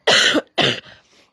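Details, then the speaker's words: Adult who says they still cough a lot and have a heavy head cold gives two harsh, loud coughs in quick succession, then a faint breathy trailing sound; cough. "voilà je tousse encore beaucoup j'ai encore beaucoup de rhume mais parce que ça nettoie ça nettoie ça nettoie"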